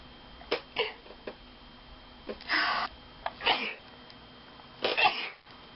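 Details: Sneezing: several sharp, hissing bursts of air with short intakes between them, fitting a run of sneezes.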